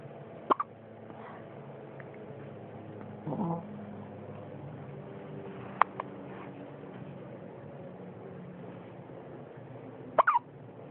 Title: Baby hiccups